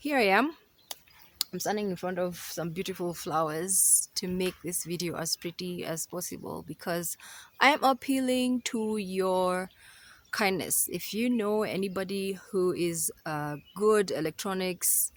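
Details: Adult woman speaking; typical speech.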